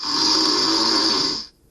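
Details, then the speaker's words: A man with obstructive sleep apnoea recorded while asleep: a single loud, harsh, rasping snore lasting over a second from a partly blocked upper airway. "loud snoring is a classic symptom so some people might think the sound of snoring is the sound of a good night sleep no absolutely not when you have the snoring sound your Airways are block you're not getting enough oxygen"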